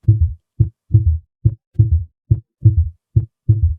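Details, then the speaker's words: A third heart sound (S3 gallop), low-pitched: a regular heartbeat near 71 a minute with a soft extra thud after the second sound. "S3 being a low pitched sound is best heard with the bell of the stethoscope unlike others which can be heard with the diaphragm."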